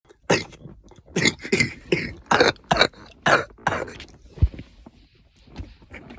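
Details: Young man coughing up phlegm, described as sounding like a zombie: about seven harsh, forceful coughs in quick succession, then a few quieter throat noises; a heavy coughing fit.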